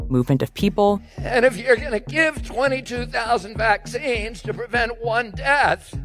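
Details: Spasmodic dysphonia in an adult man, diagnosed at some point during his career as an environmental lawyer.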